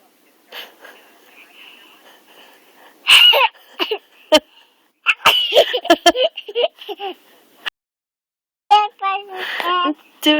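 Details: Young girl making herself sneeze on command: several short, sharp, deliberate sneeze-like bursts mixed with adult prompting and small vocal sounds.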